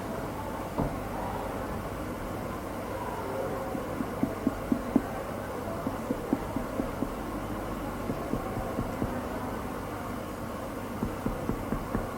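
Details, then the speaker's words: Nursing assessment demonstration on an adult male patient, lower abdomen exposed to the pubic symphysis: light finger-percussion taps for bladder border, note shifting from tympany to dullness, dullness indicating fluid or solid mass. "cek kita cek dari suara timan hingga berubah menjadi dalnes dalnes menandakan adanya cairan ataupun Ma yang padat"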